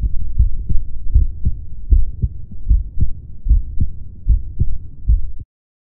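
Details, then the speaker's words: An adult's own heartbeat recorded with a DIY electronic stethoscope (a stethoscope head connected to a microphone): regular low lub-dub pairs at about 76 beats a minute; normal heart sounds. "our electronic stethoscope is now ready for recording my heart beats later i will view the waveform of the recorded sound of my heart"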